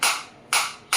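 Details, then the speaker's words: Sharp, crisp snapping pulses about every half second from a focused (not radial) shockwave therapy device for pain management, applied on the hand, as frequency rises from 120 to 150 with intensity around 11–15; the pulse sound changes with frequency. "now I will increase the frequency 120 in the multiple of 30 it will increase you can feel the difference you can feel the difference in the sound also and I can feel the difference in my hand also 150"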